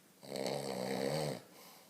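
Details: Man sleeping, snoring too loudly per his friend: one loud, rattling, buzzing snore about a second long; typical heavy snore.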